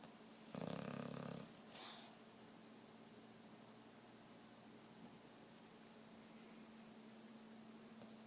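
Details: One loud buzzing snore, then a softer breath, over a steady room hum; snoring.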